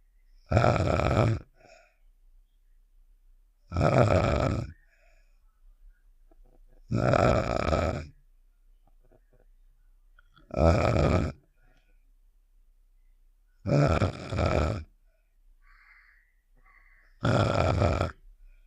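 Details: Snoring sound effect of the cartoon character Star from Save The Shapes (simulated): six loud, rhythmic, rattling snore bursts at about 18 a minute, separated by quiet pauses.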